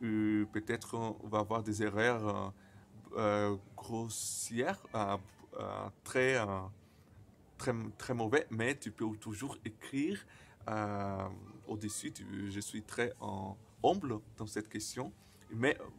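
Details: 28-year-old Brazilian man who stutters, speaking non-native French, who says his stuttering very often includes silences and at other times many repetitions; stuttering.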